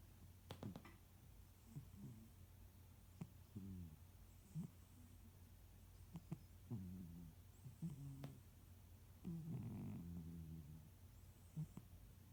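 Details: Sleeping pet cat dreaming: soft, low snoring breaths mixed with faint murmuring, chirping sounds and small clicks.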